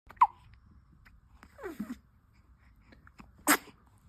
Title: Sneezing Twins